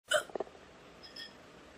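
A single sharp, abrupt voiced hiccup followed by quiet room noise.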